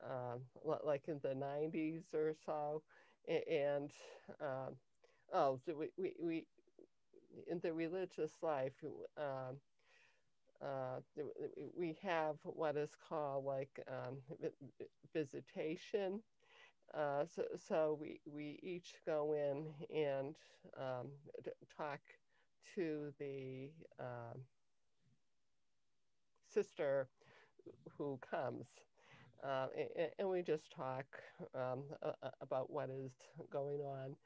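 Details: Adult woman with lifelong cluttering beginning in early childhood, diagnosed at age 10 with a language-area speech problem that her speech therapist later identified as cluttering; difficulty organizing thoughts and formulating answers; cluttering.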